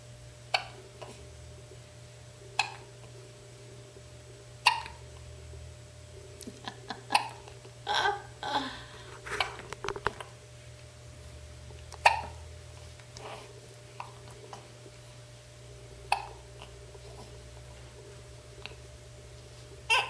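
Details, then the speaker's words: Eight-day-old newborn boy with hiccups while being bounced by his grandmother: repeated sharp hiccup clicks, about twenty a minute, with faint rustling and movement between. "Okay. Let's do this the right way. Yeah, he's already got the hiccup stuff going."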